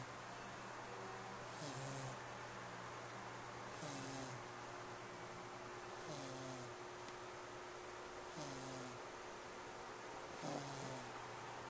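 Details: Soft rhythmic snoring during sleep, about every two seconds, roughly 28 a minute, over steady room hum, recorded with a Flip Video camera.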